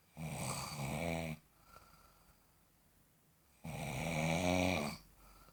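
Two long, loud, rattling snores on the breath in, separated by a quiet pause of a few seconds.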